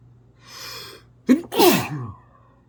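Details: Faint sharp intake, then a loud explosive sneeze with a brief second burst; college student tried to hold the sneeze back and failed instantly.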